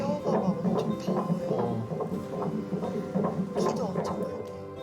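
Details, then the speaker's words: Normal fetal heartbeat on ultrasound Doppler, baby about 9.5–10 cm: rapid, rhythmic whooshing at 145 a minute under background music, within the normal range, baby healthy. "진짜 애기 심장박동이고 심장박동도 정상범주에 잘 들어가서 얘기는 아주 건강한 것 같습니다"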